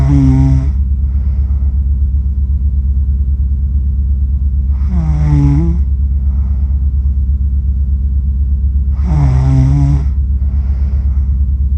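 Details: Adult accidentally recorded while asleep for 47 minutes after filming cats, self-described as snoring funny: three loud, buzzing, tonal snores about every four to five seconds over a steady low room hum.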